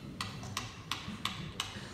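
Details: Live tibial tubercle medialization surgery: five sharp, evenly spaced metallic taps, about three a second, over low room noise, as a mallet drives a chisel for the tubercle osteotomy.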